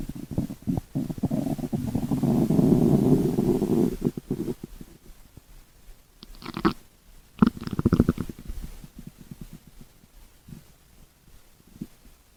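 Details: Low gurgling, rumbling stomach bursts with bubbly squeaks and pauses; bowel sounds (borborygmi), ordinary stomach growling.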